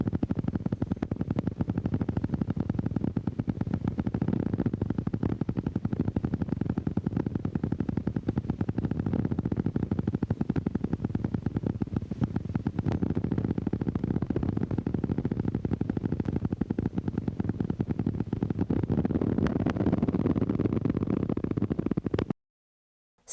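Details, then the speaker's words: Needle EMG: high-amplitude, long-duration motor unit potentials from reinnervation of denervated muscle, which appear at least several months after nerve injury. Heard as dense, deep, booming motor unit discharges typical of chronic denervation. "Thus it takes at least several months before long duration mups become obvious in the needle EMG after nerve injury. Watch and listen to high amplitude, long duration mups, high amplitude mups, and long duration mups."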